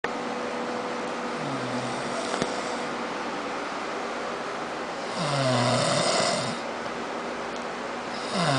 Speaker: He says he does not snore, but he does.